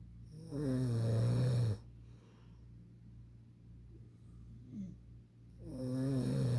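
Loud, low rattling snores on each in-breath, with quiet pauses between breaths; ordinary snoring.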